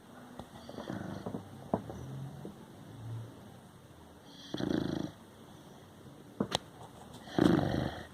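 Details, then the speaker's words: Light snoring in a sleeping large dog: soft irregular snorting breaths with a few louder rattling snores, plus small room noises. "quien dijo que los perros no roncan como uno mire nos presenta hércules enorme con una cosa adicto y ronca"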